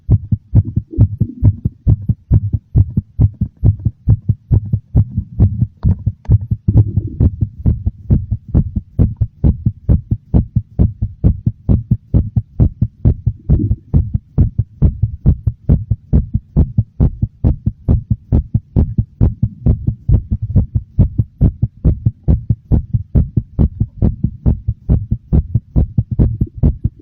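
Strong, regular low heart thumps at a slightly quick pace, a mildly fast but normal heartbeat.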